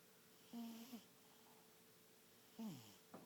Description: The biggest one of the bunch is takin' a snooze..